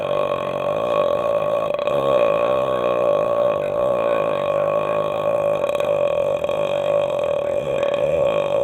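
One long, loud, continuous burp lasting over eight seconds; prolonged belching.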